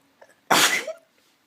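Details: Adult who looks ill: a single loud, abrupt sneeze after a faint intake of breath, in a quiet room; sneezing.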